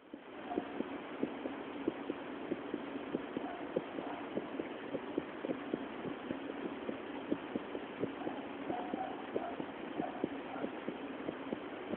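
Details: Female recorded with a homemade heart-sound microphone for a mobile phone: regular heartbeat about 78 beats a minute over steady hum, clear even rhythm; normal heart sounds.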